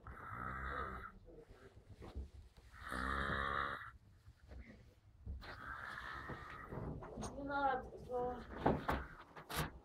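Three loud, rough, grunting snores in about ten seconds, with brief faint voice-like sounds and room noise between them; snoring.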